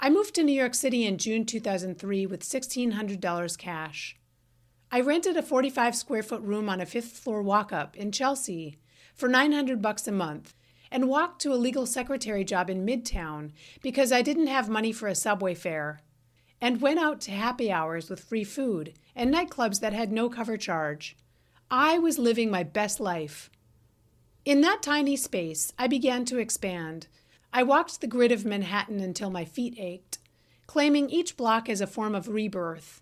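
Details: Adult woman; typical speech.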